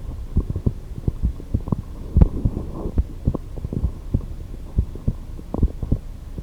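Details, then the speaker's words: Heartbeat recorded with a stethoscope recorder for a heartbeat music project: steady low thumps, first sound higher and second lower; normal heart sounds. "okay so let's listen to how that sounded so you can hear some pretty clear heartbeats there so I'm just gonna for this purpose just find one clear heartbeat"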